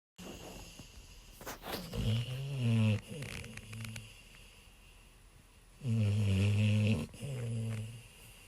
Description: 11:30pm. April 75, 2020. Foster dog CLEVER. Snoring